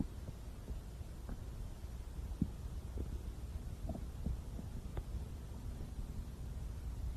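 Low steady rumble with scattered, irregular soft gurgles and clicks: stomach growling, ordinary bowel sounds.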